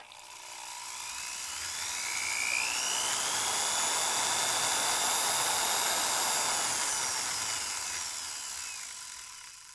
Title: FREE SOUND FX Dentist Dentist drill on, run and off